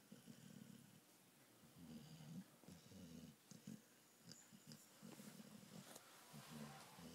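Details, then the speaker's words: Pitbull female snoring while awake with her eyes open, making rumbling, low snore-like breaths in uneven cycles with faint room noise. "Qu'est-ce que tu fais? Tu ronfles les yeux ouverts?"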